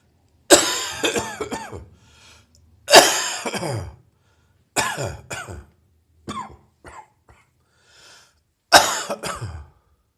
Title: Residual Heavy Chest Cold Coughing